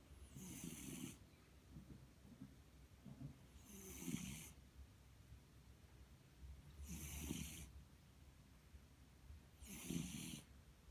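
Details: Sleeping cat snoring rhythmically, about 20 breaths a minute, with a low rumbling snore on each breath and a hissing exhale between; ordinary sleep snoring.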